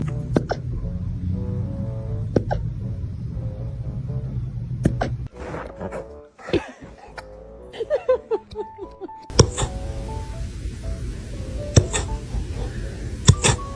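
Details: Short, sharp, repeated gulping clicks from a dog over background music: dog hiccups.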